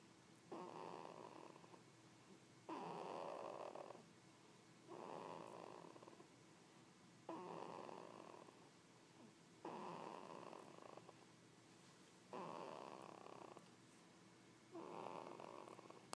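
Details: Soft, regular snoring in a 20-day-old newborn, about seven breaths in fifteen seconds (roughly 27 a minute), over faint room hum.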